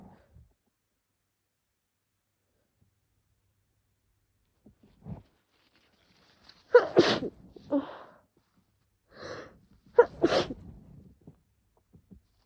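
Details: Two loud, wet sneezes in a person with a cold, each after a short breath in, with faint sniffs around them; every urge to cough triggers a sneeze, and the throat is getting sore.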